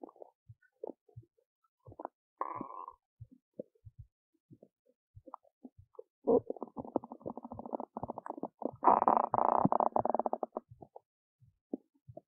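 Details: Adult woman's belly while digesting oats: scattered clicks and bursts of gurgling in a quiet room. Active bowel sounds (borborygmi) during digestion.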